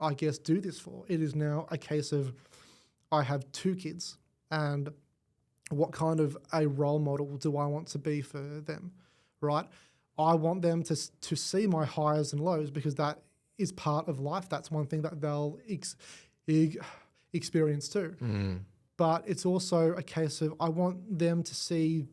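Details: Adult male with cerebral palsy affecting the left side of his body; stutter attributed to his cerebral palsy; stuttering.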